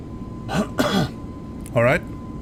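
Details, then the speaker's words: Two quick harsh cough bursts from an adult, then a short throat-clearing, over a steady low hum; a plain cough during a livestream. "you can hear by me coughing I'm back"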